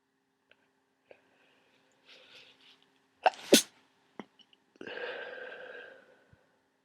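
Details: Person near the end of a cold with lots of thick congestion: a sharp, explosive double sneeze followed by a longer hissing nose blow in a quiet room.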